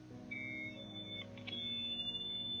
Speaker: Hearing aid feedback is most commonly created when sound enters the microphone of the hearing aid and goes out the speaker but then it loops back into the microphone. This creates a loop which results in the screeching painful whistling feedback noise that no hearing aid wearer likes.